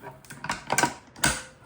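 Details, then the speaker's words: Audible mechanical clicks and clatter as the LUCAS chest compression device's arm clicks onto the backboard during setup, confirming it is secured; mechanical device lock click. "hear an audible click it's secured"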